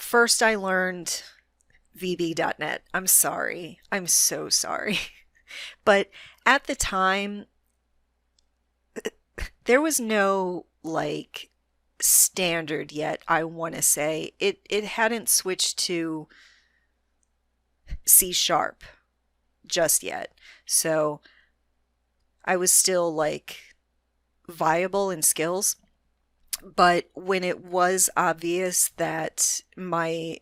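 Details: Adult female with a self-reported moderate, not severe stutter that she can control most of the time; stuttering.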